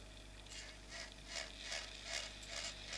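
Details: Otologic surgical drill in a temporal bone dissection demonstration, drilling bone to expose the vertical segment of the facial nerve toward the styloid: quiet, intermittent high-pitched grinding bursts over a steady low hum.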